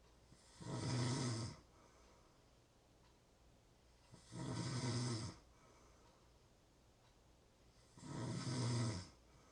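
Deep, rumbling snores on each breath in, about 16 per minute, separated by quiet breathing out: snoring.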